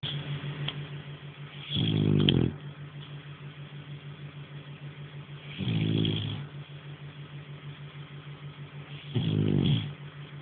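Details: Nara, a French Bulldog, snoring in sleep: three loud, rough inspiratory snores, about 17 a minute, over a steady low background hum.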